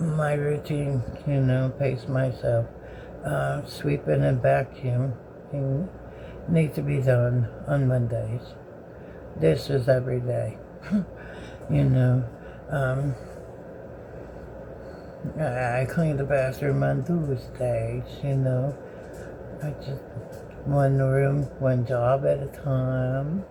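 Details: Dysarthria from severe left-sided Bell's palsy in an adult woman, present since May 2013 (nearly thirteen years), with the platysma nerve also affected, swallowing and breathing problems, and jaw pain with fatigue from talking.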